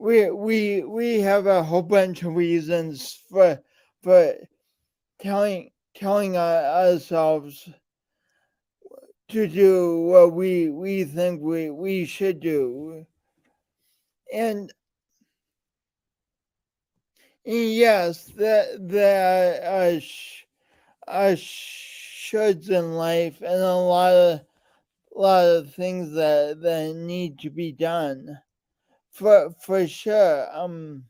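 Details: Man with a speech impediment and coordination differences present since birth, still ongoing; speech impediment with word repetitions.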